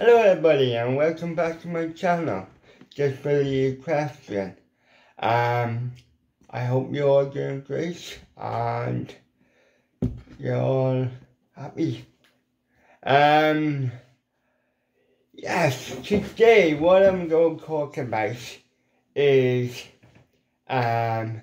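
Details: Adult man with ataxic cerebral palsy, involuntary hand shake and epilepsy; weak, paralysed lip muscles cannot form the shapes for certain letters; once understood only by his mother as a child; lifelong speech impediment; dysarthria.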